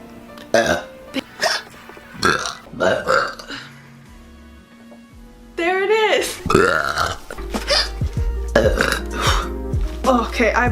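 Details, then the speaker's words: Several loud, croaky burps from an adult, including one long drawn-out belch, with faint music behind; burping (eructation). "Um Actually, I feel burpy. There you go, Jet. Sorry. Oh my god. Thank you, Jet. Oh, I burped again."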